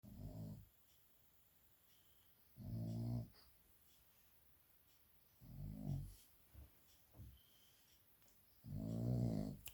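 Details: A small dog snores in slow, regular bursts, about four breaths across ten seconds in a quiet room, while sweetly asleep: snoring.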